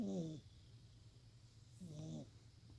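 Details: Noisy breathing in a resting cat, with possible calicivirus causing eye crusts and a bloody, peeling black nose spot that the owner worries is cancer: two short, whiny, squeaky noises at breathing rhythm over quiet room hum.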